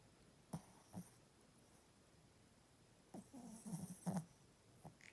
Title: is snoring And sleeping and she’s tired